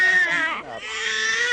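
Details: A baby crying before being calmed with swaddling and side positioning: loud, high-pitched, strained screaming cries with brief breaks for breath.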